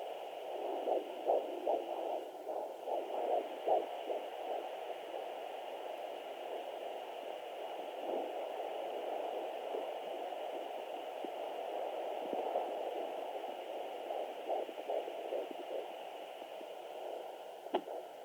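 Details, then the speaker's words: Fetus at 14 weeks of pregnancy on a 3 MHz pocket fetal Doppler at home: fast whooshing heartbeat near 150 a minute (clinic reported about 163), interrupted by thumps from fetal kicks and movement. "so whenever they're moving around you can usually hear them kick with this whenever they start getting bigger and um also um you can hear them kick and um"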